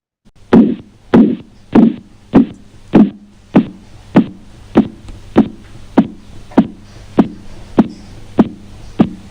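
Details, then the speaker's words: Korotkoff sounds during cuff deflation for blood pressure measurement: regular knocking taps about 100 a minute, loud then softening, blowing then dry, abruptly muffling then disappearing, marking diastolic pressure. "cuencia adquieren un carácter soplante debido a la turbulencia de la sangre al pasar por un sitio estrecho luego se tornan secos y de pronto en forma brusca se amortiguan para luego rápidamente desaparecer por completo este se considerará como la presión diastólica"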